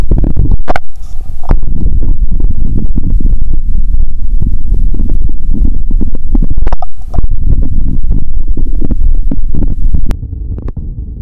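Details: Own abdomen heard through the recorder's first stethoscope after fasting over 15 hours, a first recording attempt: bowel sounds.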